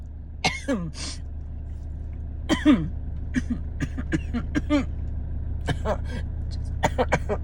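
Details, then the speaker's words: Adult with asthma, no lung infection, airways inflamed after an attack the day before, breathing deeply and coughing close to the microphone in a car: short dry coughs and forced breaths with squeaky musical whistles of asthmatic wheeze. "you will hear the the dry wheezing that I do have today"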